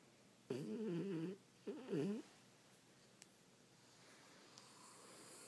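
Two rough, fluttering snores about a second apart, then quiet room noise.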